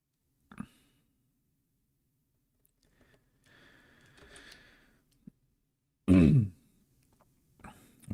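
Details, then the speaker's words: Adult clearing throat with face turned away from the microphone during a drawing stream: loud brief throat-clear burst with smaller clearing sounds, quiet small room. "if you can hear me clearing my throat even though I point my face away from the mic"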